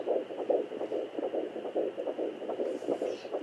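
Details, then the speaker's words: Fetal heartbeat on a home fetal Doppler used by a pregnant mother, baby sometimes kicking at the probe causing booms: rapid, regular galloping whoosh about 143 beats per minute, normal range; fetal heartbeat on Doppler. "so this is what baby heartbeat sounds like right now"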